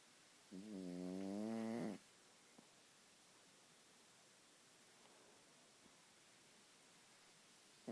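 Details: Sleeping and snoring: one short, buzzing, soft snore on a single breath, then quiet room hiss.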